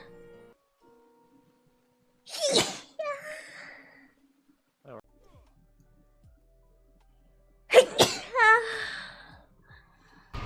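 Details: Two sneezes, each a sharp explosive burst followed by a breathy trailing sound, with faint music and brief voices in the background.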